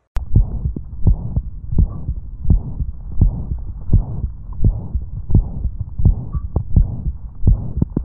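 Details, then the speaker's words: Mitral regurgitation: a regular heartbeat near 85 a minute with a blowing holosystolic (pansystolic) murmur and extra low S3 and S4 filling sounds. A deep held inspiration does not change the murmur's intensity. "there's also a holosystolic or pansystolic murmur with added heart sounds like the S3 and S4"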